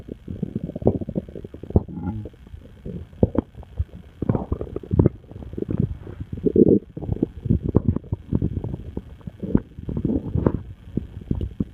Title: Crazy stomach noises